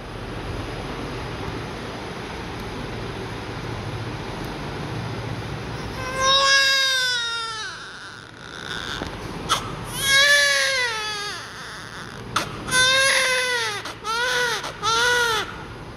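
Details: Newborn crying during a diaper check before cleaning: loud, high-pitched wails in repeated bursts with short gasps between, over background traffic-like noise; newborn crying.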